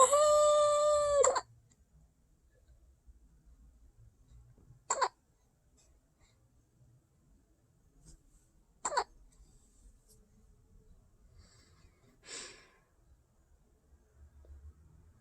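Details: Infant boy during tummy time, trying to lift his head and push with his feet: a brief fussy cry, then a few short, sharp, spaced catches in a quiet room; hiccups.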